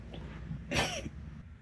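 A single sharp, explosive burst of air with a brief falling voiced note, over faint room noise: an acted sneeze in a comedy skit.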